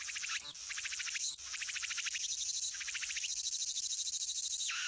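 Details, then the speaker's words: Cicada sound illustrating tinnitus: shrill, buzzing, pulsing insect chirring, used to show the high-frequency, cicada-like one-sided ringing described in acoustic neuroma (vestibular schwannoma), alongside hearing loss and dizziness. "蝉鸣音我们看电视有哈，北方少啊，南方多一点，尤其大连好像青岛那一带多。夏天很烦人的，像知了嘛，"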